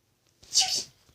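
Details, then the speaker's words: Small puppy sneezing on command, trained by owner and coaxed with "Achoo!": a single brief, sharp, hissing burst after a short intake; a dog sneeze. "Achoo! Achoo! He's trying to do it and he can't sneeze anymore."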